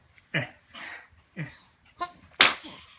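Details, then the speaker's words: Young baby, held in someone's arms, sneezes onto the holder's hand after earlier hiccups; a run of small, sharp sneezes with quick breaths between, ending in one louder burst; sneezing. "又打一个大喷嚏。他这个都打在我的手上了。"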